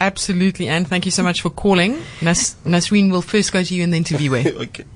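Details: Adult radio host; normal speech.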